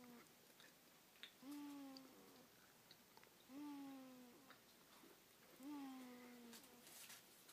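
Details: Child sleeping in a car seat: thin, high-pitched squeaky snores with a whistling tone, repeating roughly every two seconds over quiet room noise. Whistling snore.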